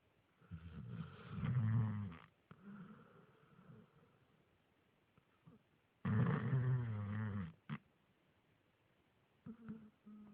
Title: My Dog snoring like a man